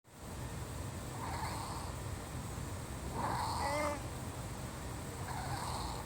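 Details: A cat's breaths carry a high, whistling musical note, an audible wheeze from narrowed airways: wheezing.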